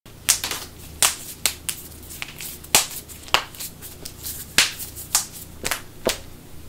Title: St. Patrick's Day Knuckle Cracks!😍🎇🍀#shorts #knucklecracking #bonecracking